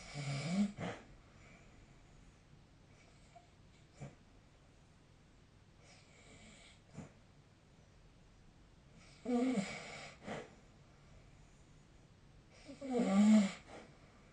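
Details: Quiet, irregular snores spaced by long pauses during sleep, roughly 16 breaths a minute; ordinary snoring.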